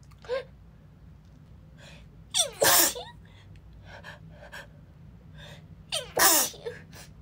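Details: Female who is sick: sharp indrawn breaths followed by two forceful sneezes a few seconds apart in a quiet room; repeated sneezing, barely a full breath between.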